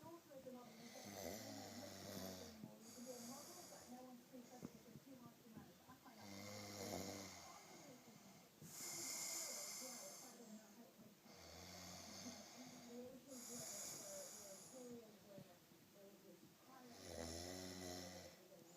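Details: Person snoring in a bunk bed: regular snoring, about four snores in under 20 seconds, each a low rattling inhale then a breathy hissing exhale, roughly 13 breaths a minute.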